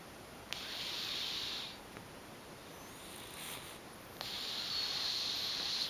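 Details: Sleeping adult female tuxedo cat, a former stray who has had a litter of four kittens: soft, hissy breaths in a slow in-and-out rhythm; heavy breathing during sleep.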